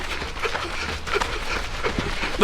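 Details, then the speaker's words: Adult runner during a parkrun: fast, heavy running breaths with brief squeaky musical notes on each breath, noticed by another runner; wheezing. "Is that your lungs making that sound? Yeah. Fuck, that's wild."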